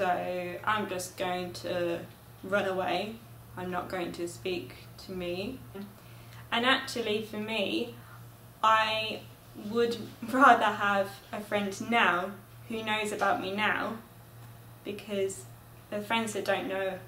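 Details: Adult with aphasia after a stroke, a graduate of an intensive aphasia therapy program; aphasia.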